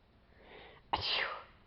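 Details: A rising breathy intake, then one sudden forceful burst trailing into a hiss; a single sneeze.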